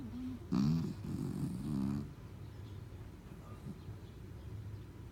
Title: snoring